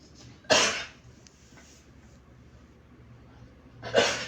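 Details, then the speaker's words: Two harsh, forceful coughs a few seconds apart from a ram (Eid sacrificial ram); owner says it keeps coughing like this, often and a lot; cough. "كمل يسعل هكا هذه المره قبطت شويه مالف دائما دائما بزاف"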